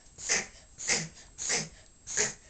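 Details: Dog Shadow makes rapid, repeated harsh snorting inhalations, its longest episode yet, said to be harmless; reverse sneezing.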